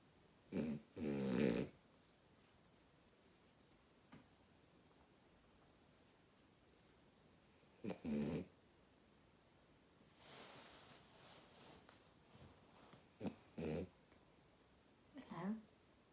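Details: A female dog sleeping and snoring very loudly: short snorting snores with long quiet gaps, plus soft nose sounds, in a quiet room; dog snoring in sleep.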